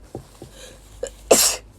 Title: Cute Japaneze girls sneezing くしゃみ107